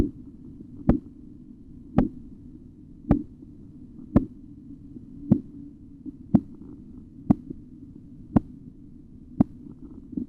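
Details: Korotkoff sounds heard by auscultation during blood pressure measurement: crisp, regular tapping at about 57 a minute over a low steady hum during cuff deflation.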